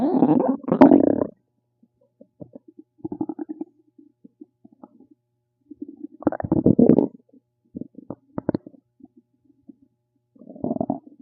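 Bursts of gurgling, bubbling rumbles with quiet gaps between them; normal bowel sounds (borborygmi).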